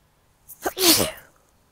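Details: Single sneeze, a short in-breath then a sharp explosive burst of air and voice, while sitting and meditating in a blooming sweet pea field in July 2022; the flowers make the person sneezy.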